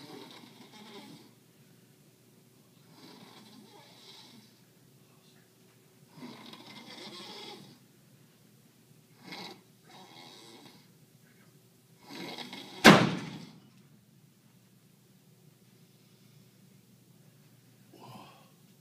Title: Snoring salesman